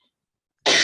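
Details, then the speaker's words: Adult with a persistent, lingering cough gives one sudden, harsh, dry-sounding cough after near-silence, cut off mid-sound: cough. "Still got this wretched cough, as you can hear, but all good otherwise."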